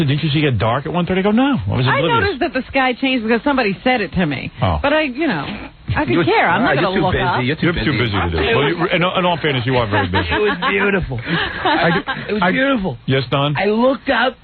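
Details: Adult speakers in a radio talk show conversation; ordinary conversational speech.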